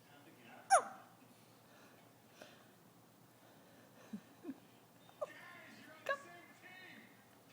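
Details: Hiccups in an infant just under 1 month old: several short, sharp hiccups spaced a second or more apart, with soft baby vocal sounds between them in a quiet room.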